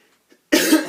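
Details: A single sharp cough from an adult after a brief quiet pause; the speaker says their voice is a little hoarse today.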